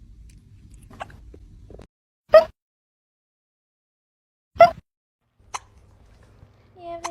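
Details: Kitten with hiccups: three tiny, sharp, chirp-like catches about two to three seconds apart in a quiet room.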